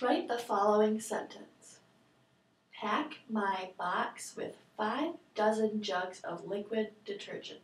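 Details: Adult female clinician; normal speech.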